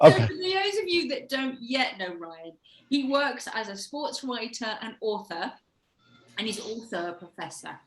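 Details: Adult woman; typical speech.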